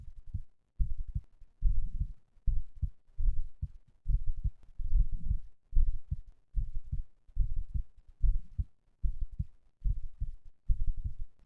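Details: Heart sounds recorded after exercise, third such recording: strong, regular low thumps with clear paired beats at about 74 per minute; normal heart sounds.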